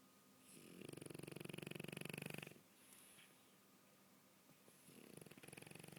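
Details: Sleeping dog snoring: rattling, fluttering snore on a long in-breath from soft palate vibration, then a quieter out-breath before the next snore begins.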